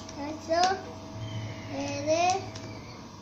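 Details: Language delay in a 5-year-old child with CLN2 (Batten disease) on enzyme replacement therapy; the delay persists but has improved.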